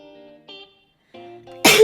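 Soft background music, then a sudden loud, sharp burst of air at the end: an adult sneeze.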